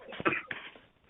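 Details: Two short, sharp cough bursts from an adult, heard faintly over a phone line in a small room during a call with PM Modi.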